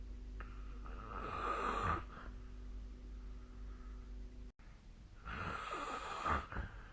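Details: Snoring during sleep, recorded with the SnoreLab app: two loud, rough rattling breaths about four seconds apart with steady low room hum between.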